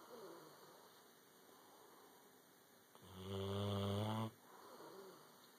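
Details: A single low, buzzing snore lasting over a second against quiet room noise: snoring.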